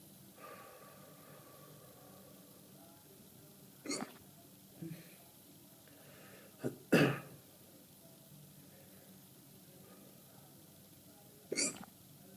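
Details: Hiccups: a few sudden, sharp catches of breath spaced several seconds apart in a quiet room. Drinking soda water afterwards reportedly stopped them.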